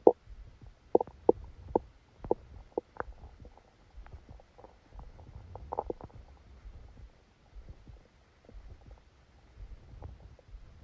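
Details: Stomachache after Christmas dinner, recorded while the person slept: irregular soft gurgles and rumbles with occasional sharper pops from the belly; active bowel sounds, stomach rumbling.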